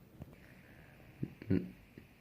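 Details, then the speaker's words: Stomach growling from a hungry person who has not eaten since returning from school: two short, low gurgling rumbles in a quiet room. "guys hear that those my stomach I'm starving right now I haven't eaten I just got back from school"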